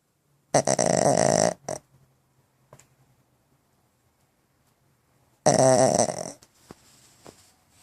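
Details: Pug dog sleeping with eyes open in bed: two long, loud, rattling breath sounds separated by quiet pauses; harsh snoring typical of a flat-faced dog.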